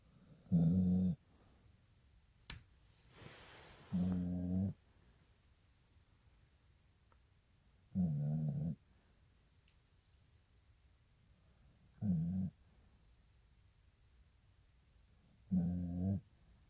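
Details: Loud, regular, low, human-like snoring on each breath, about five in sixteen seconds, from a sleeping pit bull dog.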